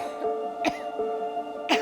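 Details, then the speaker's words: Two short, dry cough bursts from someone with chronic cough of unknown cause, over steady background music. "My doctors don't know what's going on. I just can't stop coughing."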